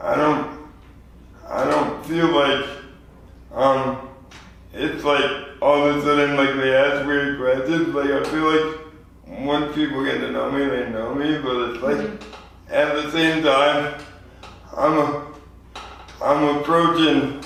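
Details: 24-year-old man with lifelong spastic quadriplegic cerebral palsy after premature birth at 2 lb 4 oz; dysarthria (cerebral palsy).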